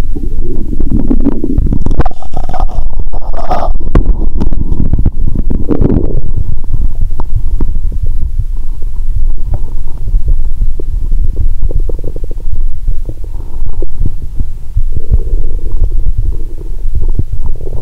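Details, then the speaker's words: Upper abdomen, person relaxed and sleepy: loud gurgling and rumbling with bubbly pops; active bowel sounds (borborygmi). "Bạn có thể nghe thấy âm thanh khác từ bụng trên 👂 ♪. Bây giờ có ai ợ hơi trong bụng không? 😂."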